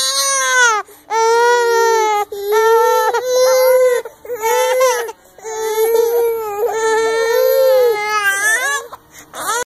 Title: Twin babies crying